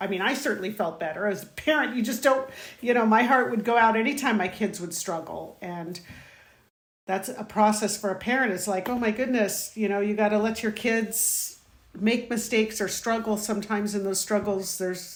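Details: Adult woman; typical speech.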